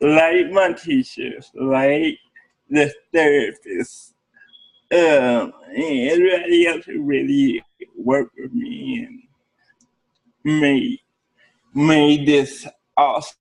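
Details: Adult man with cerebral palsy speaking in an interview; dysarthria (cerebral palsy).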